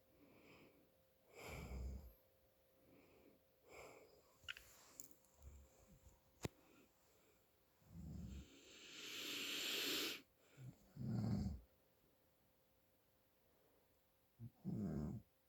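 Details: Adult father snoring with nasal congestion: irregular noisy breaths with whistling, snorting nasal sounds during sleep; snoring.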